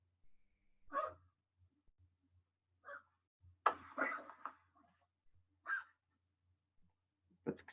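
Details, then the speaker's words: Animal, likely a cat, with bronchitis, possibly idiopathic: short, dry hacking coughs with a slight wheeze while coughing. "you're mostly just gonna hear the cat coughing but you can kind of hear this it's a little bit of wheeze while he coughs"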